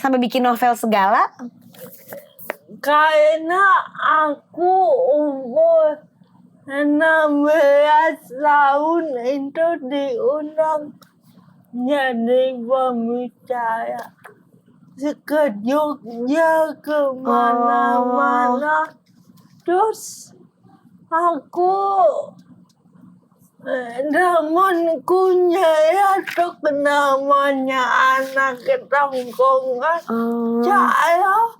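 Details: Adult woman with cerebral palsy limiting gross and fine motor skills; dysarthria (cerebral palsy).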